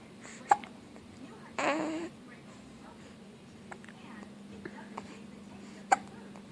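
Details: Baby boy with hiccups being talked to by his mother: two brief, sharp hiccups about five seconds apart with a short baby vocal sound between, quiet room; hiccups.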